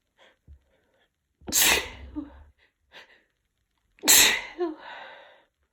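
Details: Adult with a head cold, tickly nose and mild congestion, after using chhinkni snuff to induce sneezing: two forceful wet sneezes, each led by a quick breath in, with sniffing between them.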